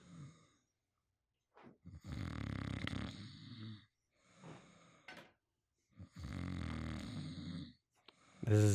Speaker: I have microphoned my boyfriend snoring sleeping on the couch cuddling a not safe for work Scar from The Lion King buddy pillow